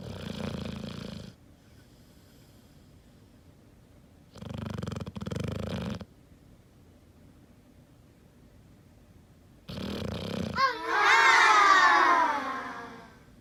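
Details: 5-month-old English Mastiff puppy snoring while asleep: loud, rough snoring breaths at intervals, the last ending in a squeaky, whining cry-like sound, in a quiet room.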